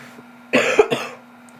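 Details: Two quick, harsh cough bursts with a sick-sounding, slightly congested quality over faint room hum, from a young person who says she is sick and was throwing up.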